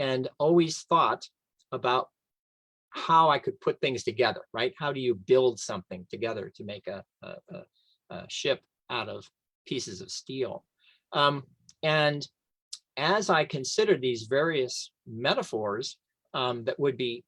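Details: Aphasia in an adult male, a three-time stroke survivor living with aphasia; aphasia.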